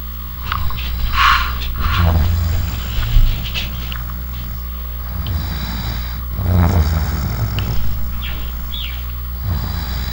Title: Me Snoring at a sleepover